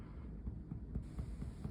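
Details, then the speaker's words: Teaching percussion of the lower chest while the subject exhales fully and holds breath to locate the resting diaphragm level; the percussion note changes, resonant over the lower chest. "Go ahead. Take a big breath in, exhale all your air out and hold it back. Hear that change? That's where we're at rest, it's up here."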